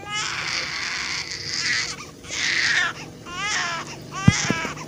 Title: Baby mom crying sound effect (Feel free to use it)